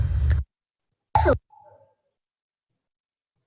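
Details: Harsh, noisy inspiratory stridor with a squeaky pitched edge; narrowing at the tongue base from lingual tonsil enlargement, confirmed by biopsy.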